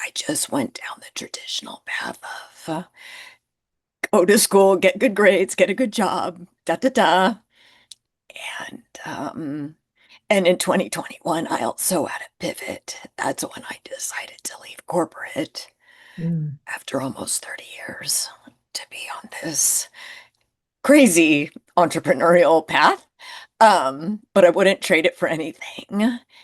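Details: Adult woman with spasmodic dysphonia, who identifies with the spasmodic dysphonia community and finds phone calls challenging because people often cannot understand her; spasmodic dysphonia.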